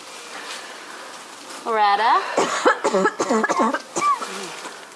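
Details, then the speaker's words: Simulated burn patient in a training simulator, on oxygen, with breathing difficulty, a worsening cough and coarse lung sounds: a drawn-out voiced groan, then about eight short, harsh, voiced coughs in quick succession. "loretta is struggling a little bit to breathe her cough has gotten a lot worse and her lung sounds very coarse"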